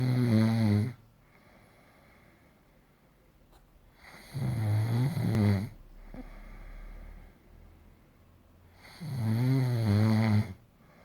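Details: Loud, deep, rattling snores on each in-breath, about 13 a minute, separated by quiet pauses; snoring.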